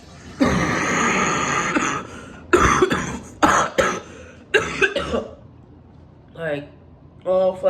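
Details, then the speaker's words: Severe cough kept up all night, unable to lie down without coughing, recorded before a doctor visit: several harsh, forceful coughs in quick bursts with throat clearing, then brief voiced sounds. "I haven't been been to sleep I've been coughing all night I cannot lay down without coughing"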